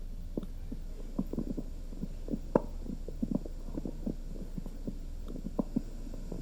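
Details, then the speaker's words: Heartbeat recorded by placing a stethoscope with a plugged-in recorder; a clear higher first sound, then a lower second sound, over a steady low hum; normal heart sounds. "so you can hear some pretty clear heartbeats there so I'm just gonna for this purpose just find one clear heartbeat so there's a pretty good one so you want that first higher sound and then that second lower sounds"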